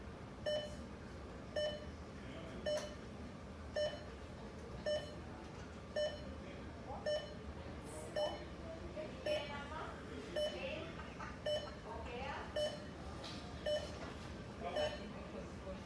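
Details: Heart monitor in an emergency room beeping regularly at about 55 per minute over faint room noise and distant voices, tracking heartbeats.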